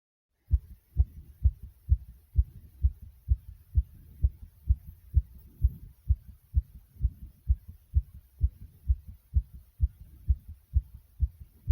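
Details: Strong, fast, regular pounding heartbeat thumping at roughly 128 beats a minute.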